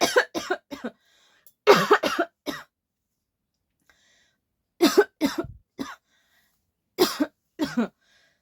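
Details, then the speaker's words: About twelve short, dry, deliberately faked coughs in four clusters with quiet pauses between, from a person who says a cold has not yet gone away; acted voluntary cough. "यह था fake coffee और ये सच में real वाला coughing है"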